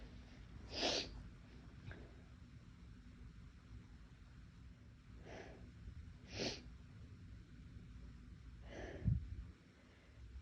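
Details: Four short, fairly soft induced sneezes with sniffing and breathing between, in a quiet room, from a person whose nose felt more sensitive that day; sneezing.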